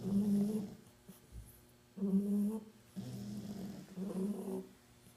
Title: Snoring Puppies